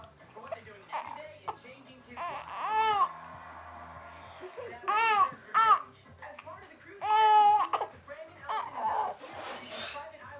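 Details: Ordinary infant crying: short, high-pitched cry bursts with softer fussing and whimpers between, settling to quieter sounds as the baby stops crying.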